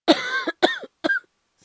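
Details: Simulated coughing performed by a male voice actor for an acted cough compilation: three voiced, hoarse coughs in close succession, then quiet; not a real illness.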